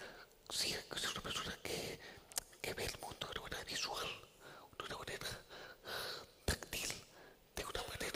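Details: Man with the neurological disease dystonia, which in his case impairs control of his neck movements and can affect other body parts; he speaks without voice tone, in a whisper: whispered voice (aphonia) from dystonia.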